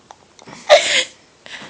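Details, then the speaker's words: Person burping, then a soft intake followed by one sharp, hissing sneeze burst and a faint breath afterward; sneezing. "oh come on i want to wave i'm going to throw up a little bit more oh my gosh burping sneezes that's a burst scared myself there"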